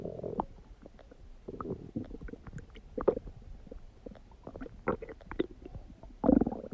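Intermittent gurgles, squeaks and rumbling bursts from the stomach during digestion; ordinary bowel sounds.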